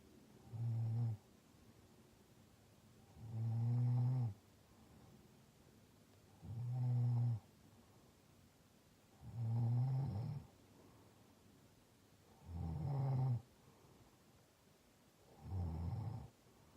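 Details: Congested, sick adult female roommate snoring in deep sleep with a humidifier on: six low, regular snoring breaths, about 20 a minute, over the humidifier's steady hum.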